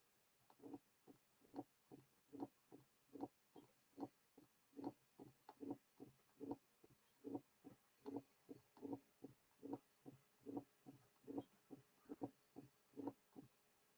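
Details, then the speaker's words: Simulated teaching recording of mitral stenosis: regular beat near 70 a minute with a loud first sound; the early diastolic murmur is eliminated, leaving a short rumbling presystolic murmur leading into each first sound. "Now, a pre-systolic accentuation is added, followed by an addition of an opening snap. Now the early portion of the diastolic murmur will be eliminated, leaving only the pre-systolic portion."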